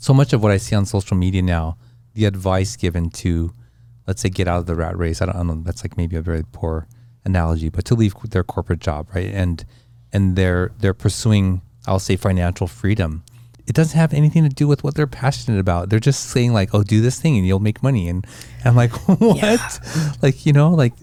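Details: Adult speaker, conversational interview; normal speech.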